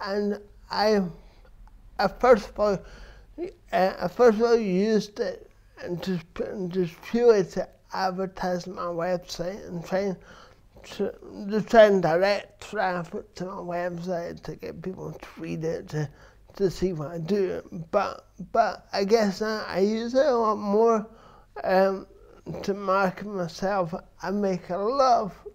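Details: Adult man with dysarthria from cerebral palsy present since birth, which he says affects his verbal communication, balance and coordination; real speech; finding: dysarthria.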